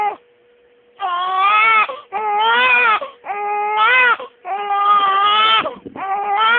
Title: The crying baby.3gp